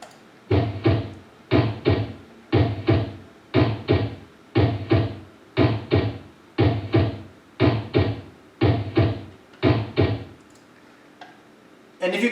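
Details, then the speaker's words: Normal heartbeat played as a teaching example: steady paired lub-dub heart sounds at about 60 beats a minute. "okay so now let's listen to a couple heart sounds to see how we can tell when things have gone wrong so first up is just normal heartbeat this so your heart should sound"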